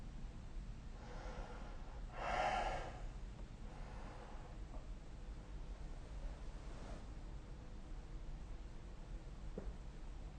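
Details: Snoring recorded with a phone snoring app: quiet sleep breathing with one louder rough, snorting inhalation and a few fainter breaths.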